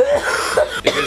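A brief hoarse cough with a throat-clearing quality; a single cough.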